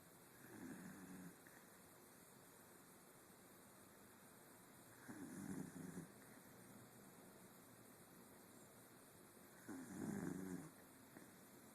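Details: Three soft, rough snoring sounds about every 4.7 seconds, roughly 13 breaths a minute, over steady room noise: snoring.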